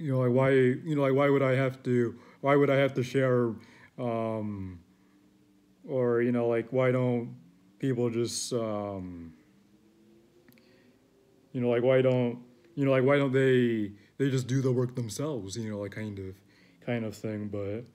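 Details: Adult male who reports that he stutters and struggles to find words; stuttering.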